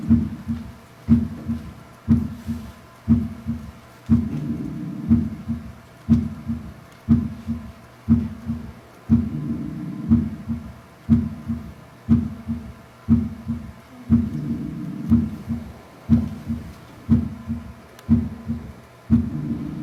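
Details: In a heart-sounds teaching demo heard at the apex, a regular heartbeat near 60 a minute has an extra low, dull sound early in diastole: a third heart sound (S3 gallop).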